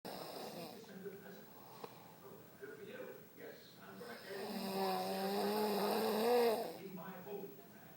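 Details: Heavy snoring: loud, rough, rumbling snores with voiced, moaning breaths in a quiet room.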